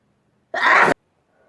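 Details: Single sudden, forceful sneeze with voiced burst after a brief quiet, from a sneezing compilation; ordinary sneeze.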